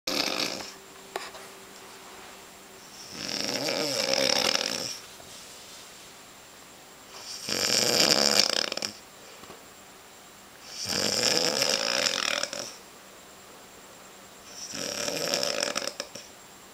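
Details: Snoring: four regular, harsh, hissing snores with quiet gaps between, about 14 breaths a minute.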